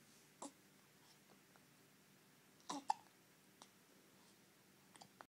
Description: Myu has the hiccups, but gives me a shady look, and then sticks her tongue out at me.